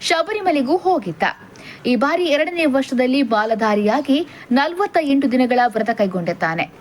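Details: Adult woman narrating; Normal speech.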